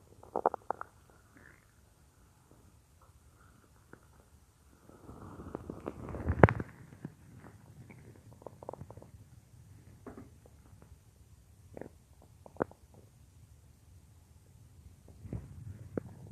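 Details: Bubbling gurgles and pops with a longer rolling rumble partway through, from a woman's stomach; stomach growling (borborygmi) from gas and fluid shifting in the gut.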